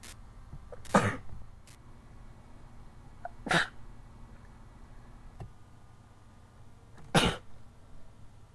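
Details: Sneezing repeatedly for about 20 minutes after something got up the nose, about 89 sneezes, eyes very watery; three sharp, explosive sneezes a few seconds apart against quiet room noise.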